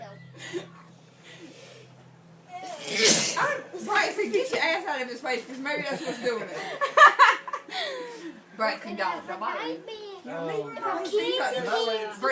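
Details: A man sneezes once, sharply and explosively, during a card game, followed by voices and laughter from several people in the room; sneezing.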